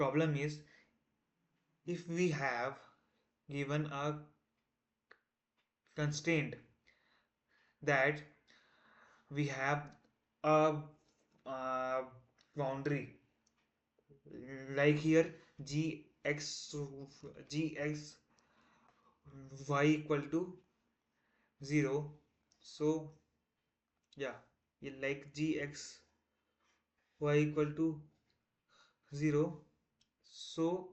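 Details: Male self-described person who stammers, day 1 of a 30-day stop-stammering challenge, trying not to stammer while explaining a math topic; repetitions and fillers audible; stuttering.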